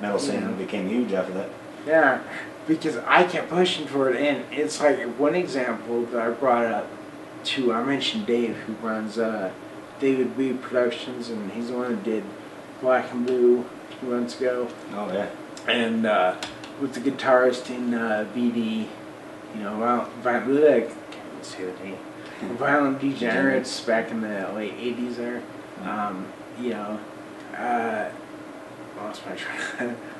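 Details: Adult man almost 40 with Friedreich's ataxia, a recessively inherited, progressive, degenerative neuromuscular disorder with childhood onset; uses a wheelchair; ataxic dysarthria.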